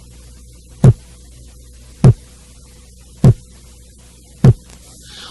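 Four evenly spaced short, crisp heart thumps at about 50 a minute over a low hum; a normal second heart sound.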